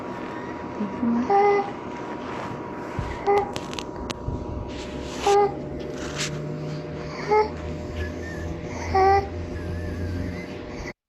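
An infant makes a high-pitched, musical noise with each breath, about 30 breaths a minute, over steady room noise: stridor.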